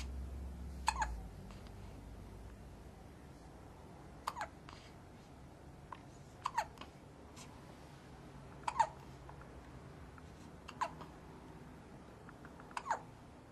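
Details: Six small sharp hiccup catches about two seconds apart in a quiet room: hiccups in a baby boy about 2 weeks old.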